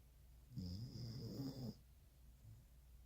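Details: Snoring: one soft, low, rumbling breath with a faint high whistle over a quiet room hum.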